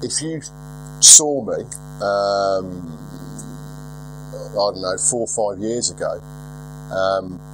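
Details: Lifelong stuttering in a 42-year-old man, milder than 4 or 5 years ago with occasional relapses; unedited recording.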